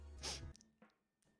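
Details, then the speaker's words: Single forceful explosive sneeze from an adult man, unsure whether from allergies or a cold, followed by softer breaths and sniffs over a faint steady tone. "I hate sneezing why is it allergies am I catching another cold I don't know but I hate it"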